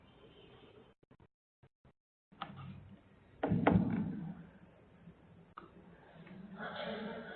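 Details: 10-year-old girl, constant progressive dysphonia for four years with progressive breathing difficulty; mother believes onset followed tonsillectomy; papilloma on both vocal folds, lower surfaces and anterior commissure; rough voice; hoarseness from laryngeal papillomatosis.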